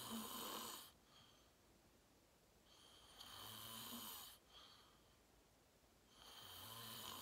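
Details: Real self-recorded sleep; adult fell asleep fast, around 8:45, and slept deeply, reportedly REM. Faint rattling snores under hiss and room noise, about three in seven seconds. Soft snoring.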